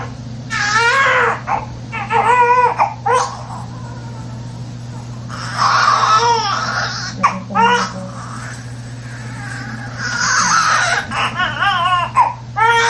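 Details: Newborn baby boy, a second baby, crying just after delivery: bursts of high, wavering cry with pauses between, over a steady low room hum; a healthy-sounding newborn cry.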